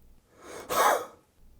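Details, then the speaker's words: Step four of a home sputum-collection huff-cough technique: a fast, small breath in, then a single soft, breathy, open-throated gentle huff cough out to move sputum up. "Fourth, repeat this fast small breath in with a gentle huff cough out."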